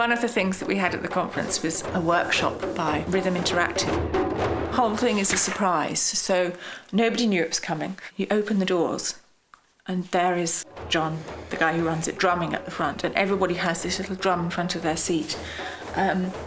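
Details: Adult narrator; normal speech.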